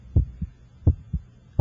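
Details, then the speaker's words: Adult male patient's chest auscultated with a stethoscope during a cardiac emergency assessment, listening for murmurs or distant heart sounds that may indicate cardiac trauma: regular paired low thumps around 85 beats a minute. "listen for murmurs distant heart sounds which may be evidence of cardiac trauma"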